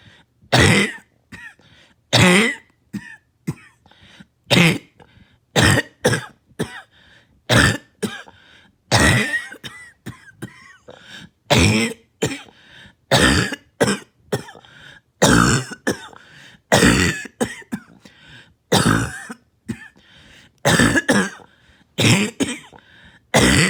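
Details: Adult coughing on a rough night into morning, about 25 to 30 harsh barking bursts in under half a minute; barking cough.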